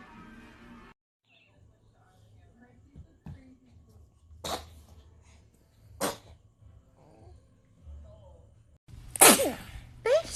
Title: Cute little sneezes # baby# babylove😍